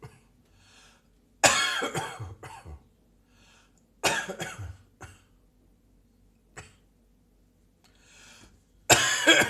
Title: More Morning Coughing